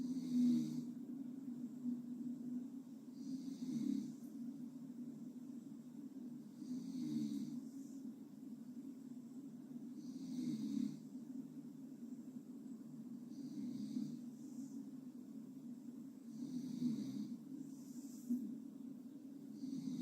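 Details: Gentle snoring during sleep: soft, regular low snores about 18 a minute over a steady hum.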